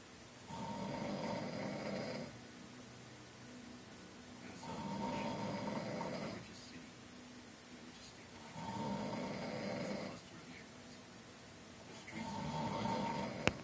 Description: Snoring. This guy is always snoring when he sleeps.